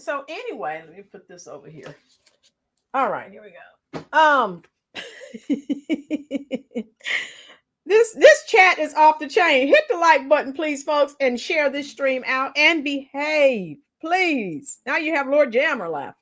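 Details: Adult speaker; normal voice.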